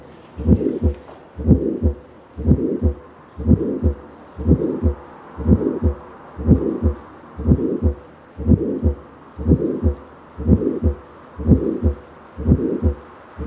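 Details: Heart sounds heard at the apex (mitral area): regular beat at about 60 a minute with a sharp mid-systolic click and a murmur in systole, mitral valve prolapse with regurgitation.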